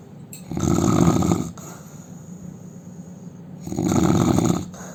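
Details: Indian man snoring loudly: deep rattling snores on each inhalation, about two in five seconds, quieter exhalations between.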